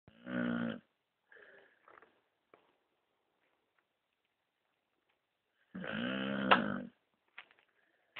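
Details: Bulldog snoring loudly: two loud nasal snorting snores about five seconds apart, with soft wheezy breath sounds between.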